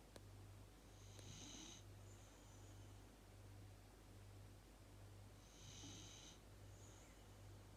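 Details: Dog snoring loudly: two slow, rasping breaths, each a noisy inhale then softer exhale, over a steady low background hum; snoring.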